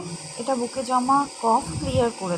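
Steady high hiss of a running compressor nebulizer, with a person talking over it.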